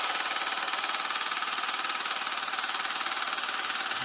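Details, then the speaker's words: Loud, rapid, steady mechanical tapping, about 160 pulses a minute, from a handheld at-home low-intensity shockwave therapy device. Its co-founder applies it to a man for erectile dysfunction, first round. Shockwave therapy device operating. "all right now here we go it's gonna get loud one two let's go"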